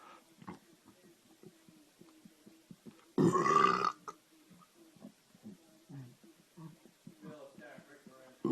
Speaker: the burp on command challenge accepted alright here we go